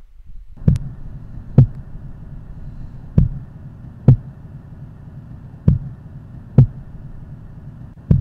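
Clear paired lub-dub beats, S1 then S2, at a slow regular rate of about 24 cycles a minute over a low hum. Normal heart sounds.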